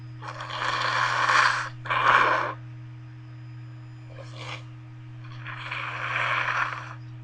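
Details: Adult sneezes induced with a bobby pin: four noisy bursts over seven seconds, two strong and two fainter, like repeated and partly stifled sneezes or nose blowing over a steady low hum, within a series of about 30 sneezes.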